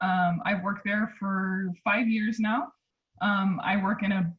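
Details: Adult speaker; normal speech.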